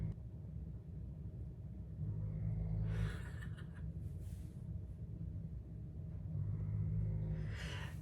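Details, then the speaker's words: Loud, low rumbling snores from a dog lying asleep under a desk, repeating about every four seconds amid steady room hum. "do you hear that snoring right now that is Jameson he's laying underneath this desk and snoring so loud like an old"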